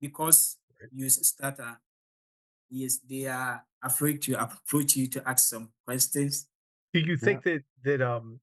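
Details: Adult man from Ghana who stammers, at the start of a public talk, a part he says is usually the most difficult for him; stuttering.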